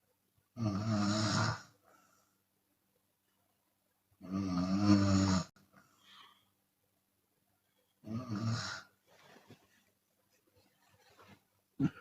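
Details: Chinese woman snoring with open mouth, sometimes on exhalation: loud snores about every four seconds, roughly 16 a minute, with soft breathy exhales between; snoring.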